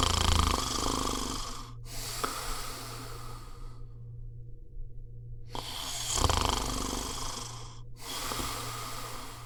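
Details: Loud, rough, rattling snoring in two long cycles with a brief pause, from a recorded sound effect rather than a real patient.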